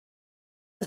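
A single short, sharp infant cough followed by a brief voiced intake of breath, fitting the staccato cough of chlamydial infection.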